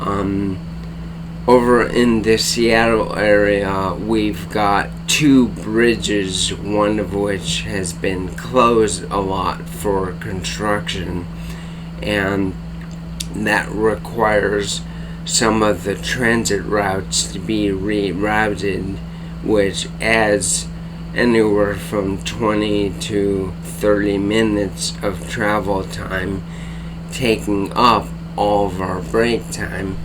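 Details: Adult man diagnosed with bulbar-onset ALS in 2014; slow, effortful speech, reduced muscle endurance, speech capacity diminishing over the recording; dysarthria (bulbar-onset ALS).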